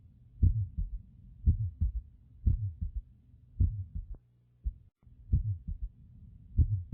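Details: Innocent heart murmur: regular heartbeats at about 58 a minute with a soft murmur between the heart sounds, heard through a stethoscope.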